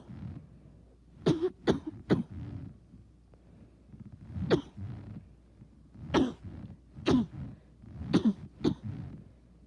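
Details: Bad repeated cough: about eight sharp, harsh cough bursts, some in quick runs of two or three, separated by pauses with faint breathing.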